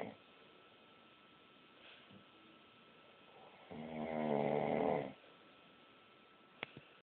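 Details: One loud, rough, rattling breath of about a second and a half in a quiet room; snoring.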